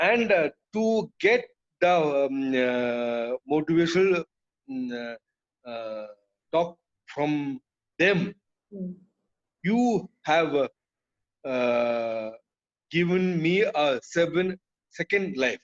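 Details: Adult man with aphasia after a brain haemorrhage (burst) stroke hitting his speech centre; told he would never speak again; relearned speech through years of speech therapy; still hesitates and cannot always finish sentences; aphasia after stroke.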